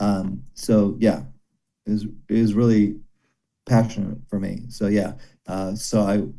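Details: Broca's aphasia in a male former paramedic after a stroke during heart valve surgery about 17 years earlier. He understands speech but finds speaking very hard, and still has daily speech therapy with slow improvement.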